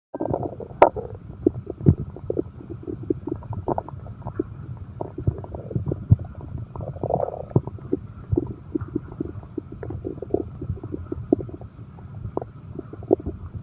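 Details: Frequent irregular gurgles and low rumbles of active bowel sounds (borborygmi), like a growling stomach, in an insomnia-relaxation recording combining heartbeat and stomach growl sounds.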